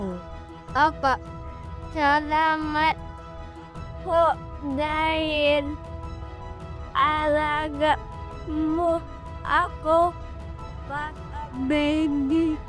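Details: Dysarthria in an 11-year-old boy with cerebral palsy who cannot walk and has difficulty speaking.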